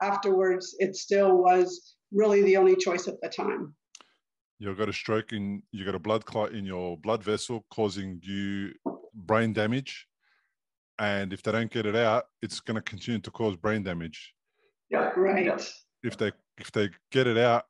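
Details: Adult male speakers in conversation; no speech disorder.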